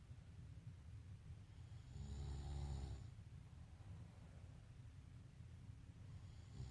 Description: This is my archived reuploaded private compilation video of my Dad snoring like a funny elephant at night while sleeping in 2019.